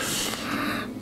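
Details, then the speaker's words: Child with sore throat and fever, examined by stethoscope over the back, asked to take a big, quiet breath in and out through the mouth: a soft, steady airy rush with no wheeze or rattle. "big breath so as big as you can in and out your mouth"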